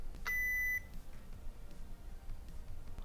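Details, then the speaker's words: Advocate automatic upper-arm blood pressure monitor during a home demonstration reading: a single steady electronic beep over low room noise, signalling the measurement is complete before it shows systolic and diastolic pressure and pulse rate. "It does beep to let you know it's working, and you will hear a little bit of noise. And when it completes, it will also beep again."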